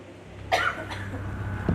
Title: Coughing PSA